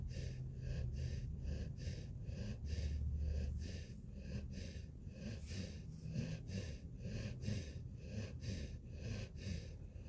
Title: Snoring puppy